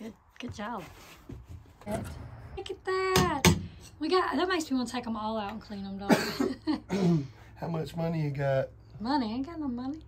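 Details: Adult and possibly a child talking indoors; normal speech.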